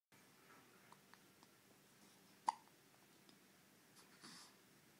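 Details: One sharp, sudden gulping hiccup and a few faint clicks in a quiet room from a female who then gives a shady look and sticks her tongue out; hiccups.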